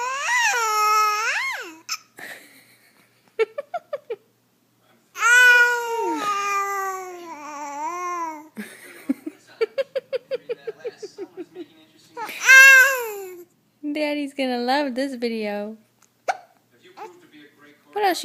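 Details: 9-week-old infant yelling and cooing, with brief abrupt catches breaking into the vocal sounds; infant hiccups.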